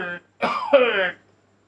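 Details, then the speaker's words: Acted cough in a Hindi comedy skit about a grandfather whose cough won't stop: a brief voiced sound, then a rough, throaty cough-like burst. "दादा जी यार आपकी खांसी तो रुक ही नहीं रही यार।"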